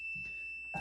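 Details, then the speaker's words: A steady, high-pitched electronic low-pressure alarm from an emergency ventilator that squeezes a bag-valve-mask resuscitator, sounding when the breathing circuit is disconnected and stopping once it is reconnected; faint background noise. "it will sense low pressure and alarm as well."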